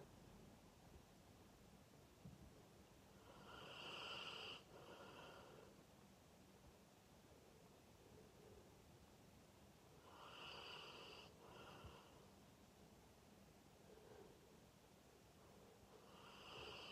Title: Is this the loudest snoring dog in the world?